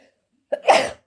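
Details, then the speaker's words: Person filming their cat Lucy curled up in the backroom gives a brief indrawn breath, then one sharp explosive burst of air: a single human sneeze. "oh excuse me sorry I didn't have a chance to pause that hello did I sneeze then did I sneeze you good girl"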